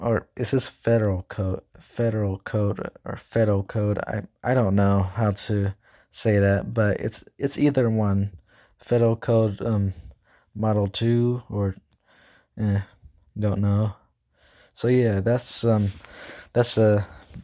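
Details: Male school student who says he stutters, talks too fast and can't speak properly: stuttering.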